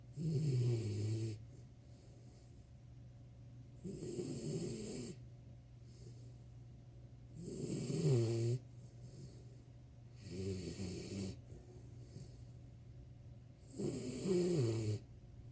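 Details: 4-month-old puppy asleep under a desk, snoring: regular rumbling snores on each in-breath, about five in fifteen seconds (roughly 20 breaths a minute), over a steady low hum.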